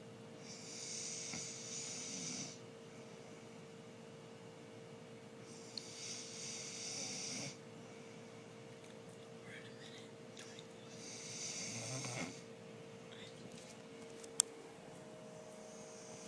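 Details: Adult man (uncle) snoring quietly: three slow, hissing, rasping breaths about five seconds apart, roughly twelve breaths a minute, over a steady hum.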